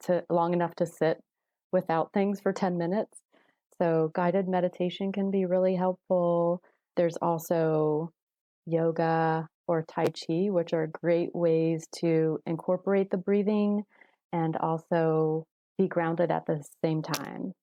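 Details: Adult woman; Fluent speech.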